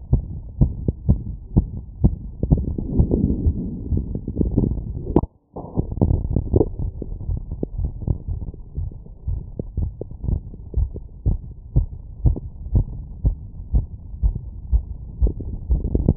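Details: Rapid, regular heart sounds at about 120 a minute, auscultated with a stethoscope membrane (100–1000 Hz) after a 2 km run in 10 minutes: sinus tachycardia after exercise.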